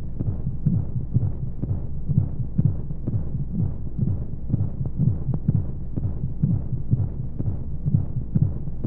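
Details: Womb-sound sleep aid for babies with white noise: steady muffled regular heartbeat thumps under a constant whooshing rush of flowing sounds, like sound heard inside the womb.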